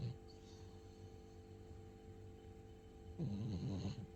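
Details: Sleeping cat with a low, rattling snore, loudest near the end, over a steady background hum; snoring.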